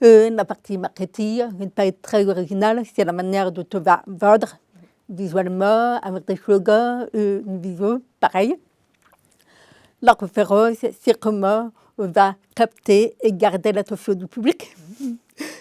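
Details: Adult woman, deaf since birth, diagnosed at 9 months; she was told she would never speak and learned speech through 20 years of speech therapy, three sessions weekly; she says her deafness is audible; deaf speech from congenital hearing loss.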